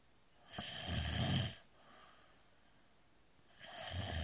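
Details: Loud, rough, low rattling snores on breathing in, with quieter breaths out between, while peacefully sleeping; ordinary snoring.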